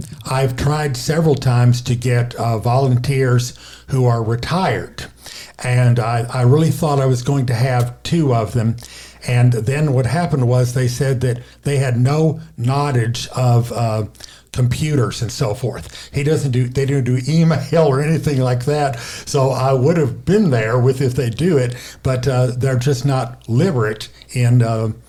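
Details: Aphasia in a male stroke survivor, caused by a stroke affecting the left side of the brain and affecting speaking, reading and writing; he reports pausing, retrying and making up words.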